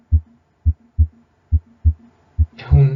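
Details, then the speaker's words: Stethoscope auscultation at the base, aortic area: regular heart sounds at about 70 per minute, with a louder, shorter, crisp normal second heart sound (S2). "Entonces ahora vamos a ocultar el segundo ruido que se va a escuchar mejor en la base a nivel aórtico"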